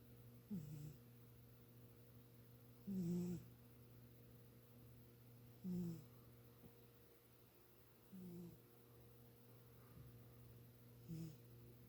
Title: Boobie snores